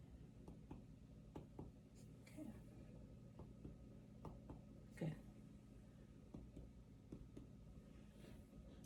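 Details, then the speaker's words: Chest percussion on the front of the chest during a physical exam, tapping on a finger placed on the chest and comparing both sides at the same spots; symmetric resonant note. "So what it is me just tapping on my finger to make sure that everything sounds the same on both sides, okay?"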